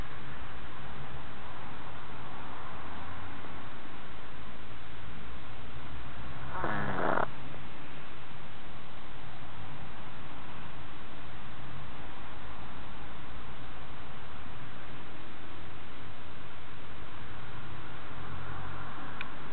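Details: An elderly cat, kept for 18 years, has recently started snoring in its sleep: a steady low rumbling breathing noise over a constant background hiss.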